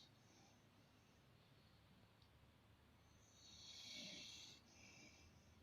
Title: Dog Lover / Dordor dreaming and snoring😂